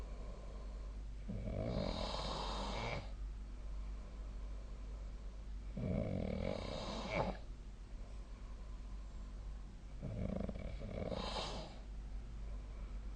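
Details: Sleeping person snoring, recorded with the SnoreLab snoring app; three long, rough, rattling inspiratory snores with quiet pauses, about 14 breaths a minute.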